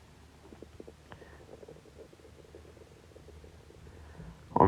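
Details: Adult man's stomach growling: quiet, low gurgling and bubbling rumbles from the belly over several seconds; ordinary borborygmi, normal bowel sounds.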